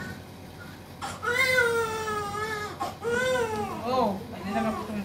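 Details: Strong, tonal newborn crying in several long wails with breaths between, a vigorous cry soon after birth, after mother's labor reached 4 cm dilation on the third day.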